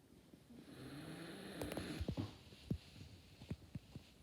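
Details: Snoring during a nap: soft, low snoring breaths with a few short snorting puffs over quiet room noise.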